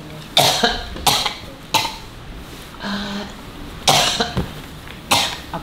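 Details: Woman with a 3-year cough, also reporting 20 years of headaches, nasal blockage and chest tightness when prostrating, and pain behind the ear, seen at an alternative healing session; five harsh, separate cough bursts over about six seconds in a quiet room: chronic cough.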